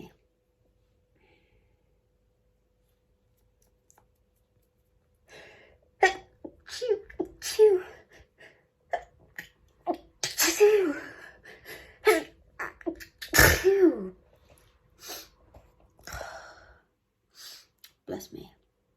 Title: Short stifled sneezing fit